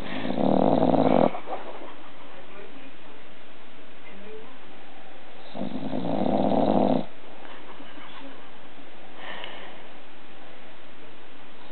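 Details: Two loud, deep, rumbling snores about five seconds apart with softer breaths between: a 1-year-old bulldog snoring while sleeping on her owner.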